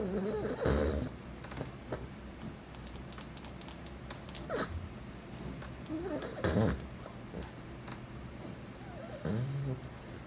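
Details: Staffordshire bull terrier sleeping, dreaming and twitching its paws; soft snorting snores like an adult man, with small whimpering noises over steady room hum.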